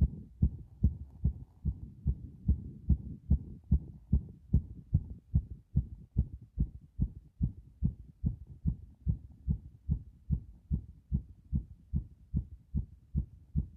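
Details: Heart sounds recorded pressed close against the chest after a bath; steady, regular low thumping heartbeat with faint rubbing noise.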